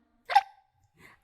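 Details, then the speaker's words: A person getting hiccups during a stream, with hiccups heard while talking; hiccup. "I'm getting hiccups I'm good oh no"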